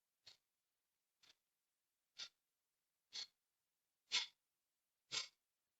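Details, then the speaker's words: Kapalbhati breathing: six short, sharp, forceful nasal exhalations about once a second, each with the belly pulling in, and quiet passive inhalations in between. "প্রতিবার কিন্তু পেট ভেতরে যাচ্ছে। প্রতিটা ঝটকার সঙ্গে পেট ভেতরে যাচ্ছে। প্রতিবার শ্বাস বাইরে যাচ্ছে।"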